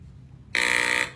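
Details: Little boy learning to use an electrolarynx held flat against his neck to speak: quiet room, then a half-second steady mechanical buzz from the device.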